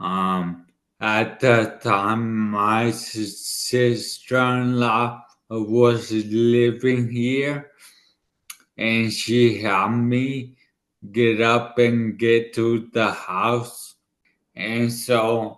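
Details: 40-year-old man, former elite runner, with dysarthria from an ischemic stroke about two years earlier in the right brain, affecting his left side and part of his tongue and mouth; he had to relearn speaking.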